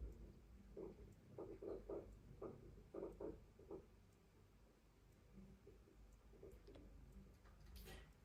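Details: Normal heart sounds from an adult (born 1993) recorded with an AI electronic stethoscope prototype, classified normal at 99% confidence: soft paired heart thumps played back in a quiet room.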